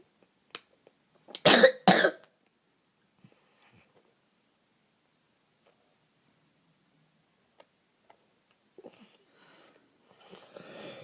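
Two sharp coughs in quick succession, then quiet with faint breathing and a soft rustle at the end.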